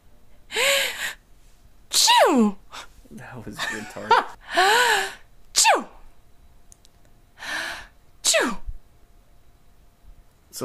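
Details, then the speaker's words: About seven acted sneezes by a woman, each a sharp burst with a rising or falling cry, deliberately varied in sound. "do it again try and uh do a do a different sneeze sound if you can okay"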